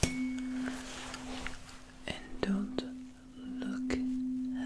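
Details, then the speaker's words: Simulated ASMR hearing-test role-play: a steady ringing tuning fork tone with soft handling taps and whispers, moved in space while the listener signals which ear, left or right, hears it. "So the first thing that I'm gonna use is this tuning fork right here. Initially, I'm just gonna keep it still here, and I ask you to focus on the sound and perhaps notice if there is a difference in the perception."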